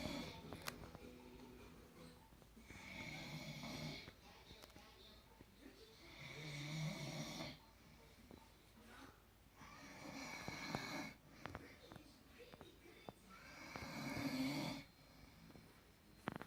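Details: Adult father asleep gives loud rattling snores on each breath in, about 17 a minute, with quiet pauses between; ordinary snoring.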